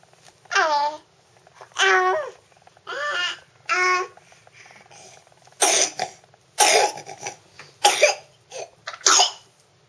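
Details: Infant babbling with pitched coos while learning to roll over, then giving a run of short, harsh coughs.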